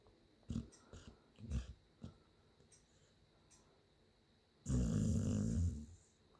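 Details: A few soft snuffling breaths, then one loud, rattling snore lasting about a second; snoring.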